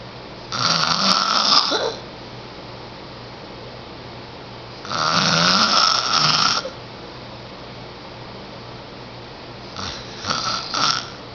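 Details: Ten-year-old boy snoring, loud enough to be heard down the hall through a closed door: loud, harsh, rattling snores on each breath, roughly every four to five seconds, over steady background hiss.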